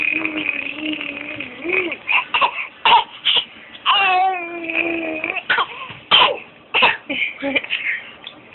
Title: Fake cough lol